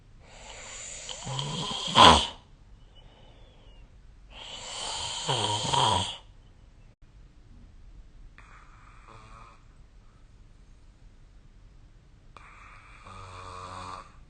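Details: Snoring recorded with the SnoreLab app: loud, harsh, rattling snores on breaths in, about 16 a minute, with quieter breaths between.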